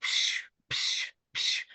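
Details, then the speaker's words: Vocal imitation of an arteriovenous fistula bruit for dialysis vascular access teaching: two breathy whooshing hisses mimicking what is heard through a stethoscope over a working AV fistula before cannulation. "And that is literally how a fistula does sound on the inside."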